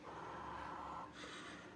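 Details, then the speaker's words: Endotracheal tube cuff on a training model, slowly deflated while listening with a stethoscope over the trachea to find minimal occluding volume: steady rushing whoosh turning to a thinner, higher hiss; endotracheal tube cuff leak. "i pull that air back and so you notice now i'm starting to hear a leak you can hear that finch and i could hear with my stethoscope ahead of time"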